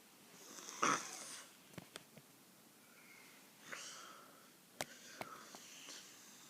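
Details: Snoring likened to a pig: irregular noisy breathing with snorting, rattling snore-like breaths and a few clicks in a quiet room.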